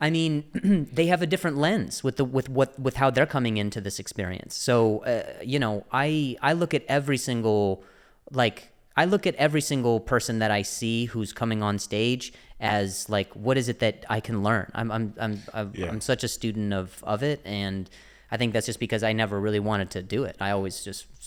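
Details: Adult man who stutters and mentions an injury; word repetitions; stuttering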